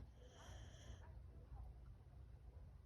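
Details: Sleeping Boxer dog, tired after a walk, makes loud low rumbling snoring breaths with a brief high whistle early on; snoring in a short-nosed breed.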